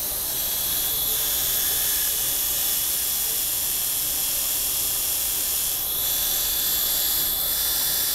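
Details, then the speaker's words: Steady high-pitched whirring hiss of a dental handpiece applying hydrochloric acid with silica/pumice abrasive paste to remove deep brown hypocalcified stains on a female patient's central incisors during enamel microabrasion. "So again, this is 6.6 hydrochloric acid. Not battery strength. I could be lying, I have no idea. And just some silica or pumice, some sort of abrasive."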